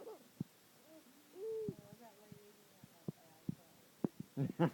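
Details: A woman's morning hiccups, which amuse another person: short, sudden voiced catches recurring every fraction of a second to a second, with brief throaty sounds between.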